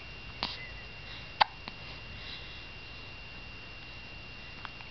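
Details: Baby who recently started cooing: two or three brief, sharp hiccup sounds over quiet room noise; ordinary infant hiccups.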